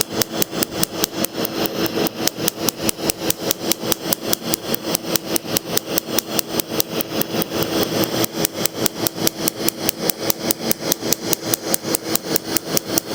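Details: Rapid regular snapping pulses, about two to three per second, over a continuous machine hum: a laser tattoo removal device firing during a first removal session on a chest tattoo from 2011, real patient.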